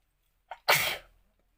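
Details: Sneezing challenge: a sneeze set off on purpose by tickling the nose with folded paper, heard as a brief in-breath then a single sharp, hissing sneeze; a normal sneeze reflex.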